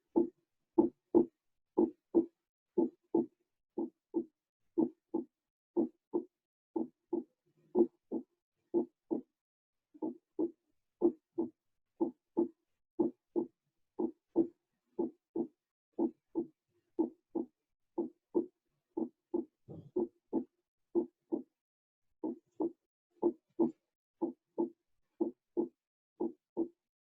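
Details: Normal heart sounds (S1 and S2).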